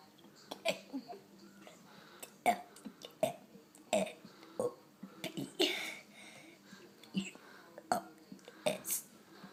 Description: My son burping the alphabet